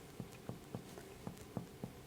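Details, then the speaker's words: Posterior chest percussion during a chest exam: about eight evenly spaced finger taps giving hollow resonant notes over normal air-filled lung. "Lungs are filled with air so it's resonant where you get to either the abdominal, posterior abdominal content it's going to sound dull."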